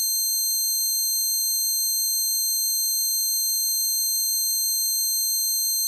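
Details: Steady high-pitched ringing with a faint wavering pulse; self-made simulation of the person's own tinnitus, acquired after standing by the amp at a concert.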